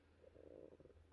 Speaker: Sorry if my stomach's growling and you can hear.